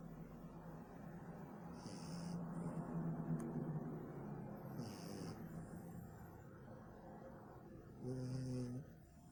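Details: Snoring.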